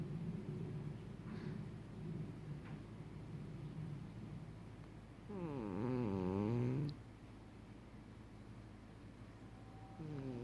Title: 猫のイビキ ― 鼻づまりバージョン snoring cat